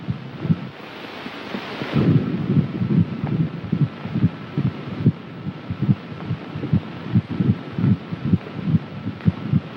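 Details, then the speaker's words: Fetal heartbeat heard through a stethoscope during a prenatal abdominal examination in a 1938 film, baby's position judged normal: rapid soft thumping, about 140 a minute, under hiss and old-film noise. "Now I'm going to listen to your baby's heartbeat."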